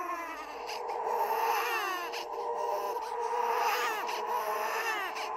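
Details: Simulated "ghost baby" horror sound effect: eerie, echoing infant wailing with rising and falling pitch; infant cry.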